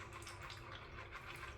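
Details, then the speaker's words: Electric water-powered ear wax removal irrigator flushing an ear canal with warm water in pulse mode: steady rushing water with a faint pump hum, surprisingly quiet; device demonstrated on an adult's own ear. "there we go letting it flow through can you hear it it's really surprisingly quiet now I can change the mode at a push of a button as well"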